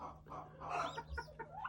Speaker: baby turkey giving a squeak that means it's sick uh or maybe cold that it's giving the little uh lost turkey call version